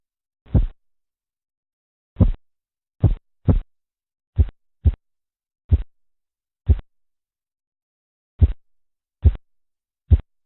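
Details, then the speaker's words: Korotkoff sounds heard while measuring blood pressure, presented as a familiarization with their phases: tapping, swishing, knocking and muffling. "Escuche y familiarícese con los sonidos de Korotkov Tapping(golpeteo) Swishing(blandir) Knocking(golpes) Muffling(amortiguar)"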